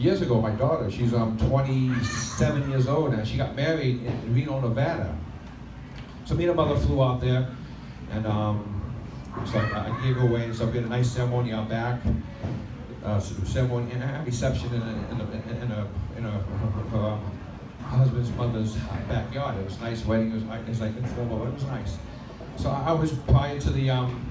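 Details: Stuttering in an adult man, present since childhood, after 15 years of speech therapy; he reports it is milder on a microphone and worse when nervous, with vowel-initial words, especially 'I', hardest. Recorded during a live stand-up performance on a microphone.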